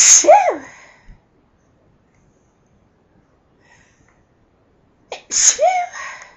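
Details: Two loud, forceful human sneezes about five seconds apart, each a sharp hissing burst with a voiced cry, separated by near silence.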